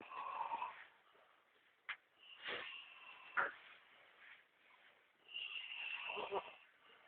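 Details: Irregular rasping, fluttering breaths with snorting bursts from a sleeping man, about 20 per minute; snoring.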